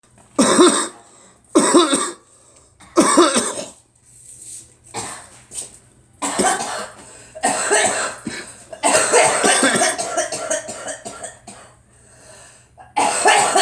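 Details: An adult coughs repeatedly in short, forceful bursts separated by brief pauses, in a quiet room.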